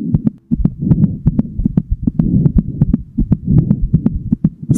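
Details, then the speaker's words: Heartbeat sound effect in a fictional cartoon story, a mother's heartbeat speeding up with strong emotion: fast, steady thumping at about 160 beats a minute over a low hum. "Silver, wait, it's getting faster. What does it mean? Silver's mom, it means I'm feeling something really powerful."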